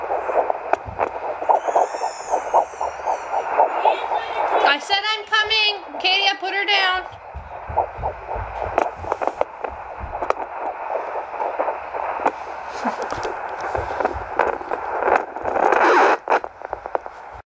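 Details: Puppy fetal heartbeat in a pregnant dog carrying at least one puppy, due January 28th: rapid, faint, regular pulsing through static, roughly 230 beats a minute.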